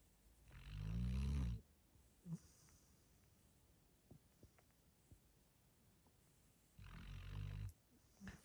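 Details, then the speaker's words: Dog sleeping comfortably in a fleece blanket, head on a folded towel, under a foam dog bed at a winter deer-hunting camp, snoring softly. "so she's pretty comfortable maybe you can hear her snoring there a little bit"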